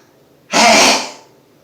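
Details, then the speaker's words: Adult sneezing a lot that day, before sniffing pepper: a single loud, explosive sneeze with a sharp hissing burst, then quiet. "loud they're loud today that's a big one oh god that comes from my toes all the way up"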